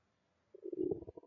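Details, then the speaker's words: Abdominal auscultation with a stethoscope during an acute-abdomen examination of a male patient: a brief gurgling rumble, bowel sounds present. "Y ahora vamos a escuchar ruidos hidroaéreos."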